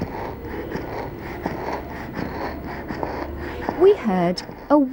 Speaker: stridor is a harsh sound on breathing in this child has wheeze when breathing out